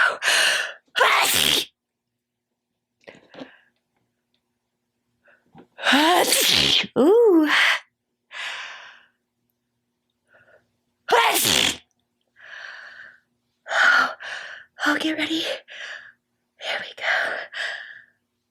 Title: Loud wet sneezes 2